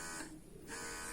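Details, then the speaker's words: Electric breast pump switched from massage mode to suction mode (both adjustable to level 9): a steady motor buzz with a brief dip in loudness, then the hum resumes. "dan kalau kita Tekan sekali lagi dia langsung mode hisapan"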